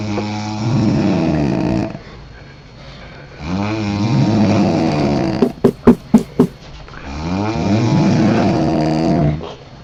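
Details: Two sleepers snoring against each other, with loud rattling snores on the in-breath broken by a short burst of snorting puffs.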